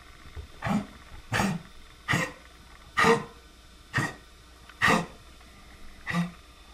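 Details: Dog coughing: a run of seven harsh, hacking cough bursts, roughly one per second, with short pauses between.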